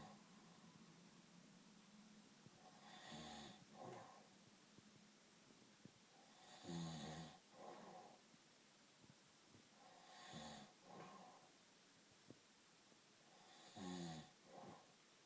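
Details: Adult man's loud, rough snoring on each in-breath, about eight a minute, each followed by a quieter out-breath; described as extremely loud snoring.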